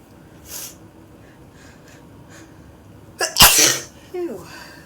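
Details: Adult with a cold: a faint sniff, then one forceful sneeze and a brief voiced sound afterward; sneeze.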